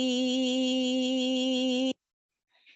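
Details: Sustained vowel before deep brain stimulation from a patient with medication-refractory essential tremor; rhythmic, fairly fast but small-extent oscillations; essential vocal tremor.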